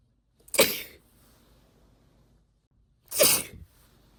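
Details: Induced sneezes from a female who is a long-time sneeze stifler and not usually sneezy: two sharp, explosive sneezes a few seconds apart, quiet between.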